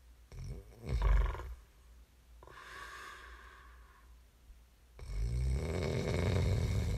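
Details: Deep, rumbling snores during sleep with snorting, irregular breath sounds; snoring.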